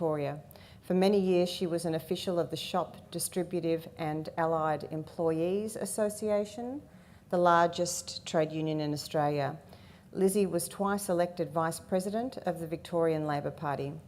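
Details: Adult woman speaking; normal speech.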